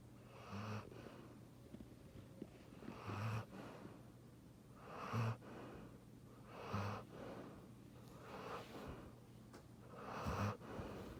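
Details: A large dog, a giant schnauzer, sleeping in a quiet room makes noisy snorting breaths about every two seconds, rough on the in-breath: snoring.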